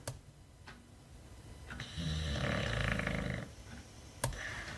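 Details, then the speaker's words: Long, rumbling, fluttering snore with a few light clicks in a quiet room from a sleeping dog, heard in the background; snoring. "Ça ronfle, hein. Vous entendez mon chien?"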